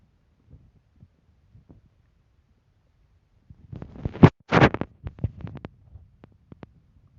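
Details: Hungry stomach rumbling: a quiet stretch, then a burst of bubbly gurgling and squelching rumbles with a few scattered pops, normal hunger bowel sounds.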